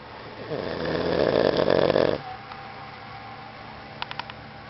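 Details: A sleeping father gives a long, loud buzzing, vibrating in-breath, then quiet breathing with a few faint clicks: snoring from a fluttering airway.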